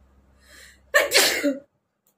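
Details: Person with a cold for 2-3 days, sneezing repeatedly, watery eyes, handkerchief in hand; brief indrawn breath then one loud explosive nasal sneeze; sneeze.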